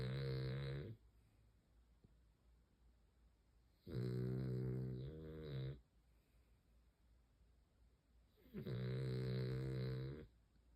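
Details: Beagle dog snoring very loudly in sleep: deep, rattling snores, three long breaths in about eleven seconds, with quiet pauses between them.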